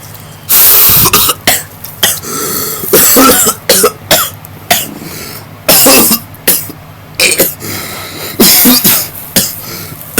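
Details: Two coughs from a speaker mid-sentence, right after saying Valentine's Day is officially over; coughing.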